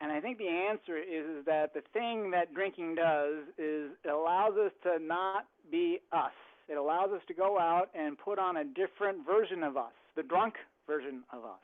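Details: Adult speaker; ordinary speech.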